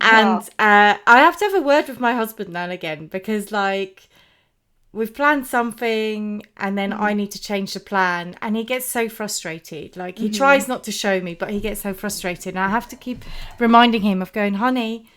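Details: Adult woman speaking; typical speech.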